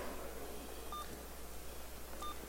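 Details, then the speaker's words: Alaris infusion pump unit switched on and booting during a security demonstration: two short electronic startup beeps over low room hum. "I'm going to put it in the back so that we can also talk about details. So it's going to boot it up."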